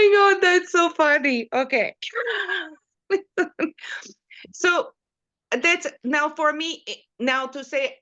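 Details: Female stroke survivor with post-stroke aphasia, apraxia of speech and foreign accent syndrome; she is third-generation Canadian but sounds like someone learning English, e.g. from Polish.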